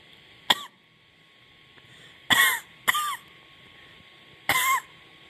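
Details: Four short, harsh cough bursts from an adult with a bad chest cough and sore throat, spaced irregularly, the later ones longer and throaty; persistent chesty cough.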